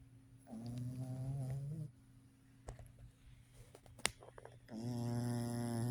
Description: Boston terrier snoring eight weeks old